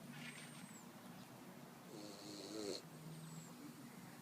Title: Boxer puppy snoring like an old man